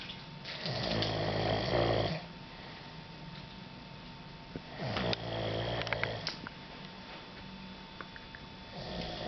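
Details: Loud, low, rattling snores on each breath in, about two cycles over nine seconds, with quiet pauses between; typical snoring during sleep.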